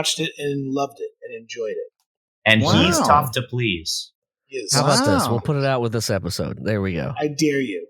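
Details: Adult male speaker; Normal speech.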